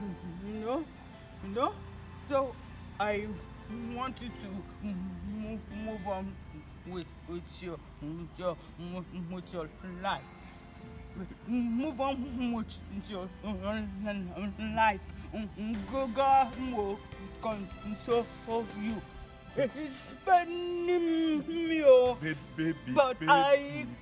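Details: Adult speaker, acted comedy, over background music; stuttering (acted).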